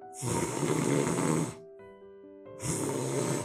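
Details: Mild snoring: two rough, low rattling snores from soft tissue vibrating in the throat, with music behind. This is the 'ㄱ' (giyeok) type snore sound, rated the mildest, compared with the more severe 'ㄲ' and 'ㅋ' types.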